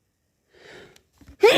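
A sharp breathy intake, then the loud explosive start of a sneeze. A sneeze during a cold.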